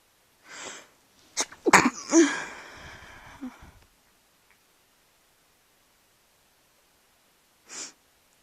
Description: There's an unstifled sneeze in there somewhere and a false start towards the end...enjoy :)